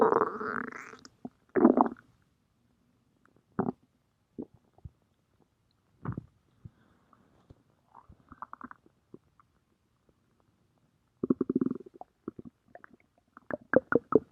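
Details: Irregular gurgling and rumbling bursts from the belly, stomach growling of gas and fluid moving through the gut; bowel sounds (borborygmi).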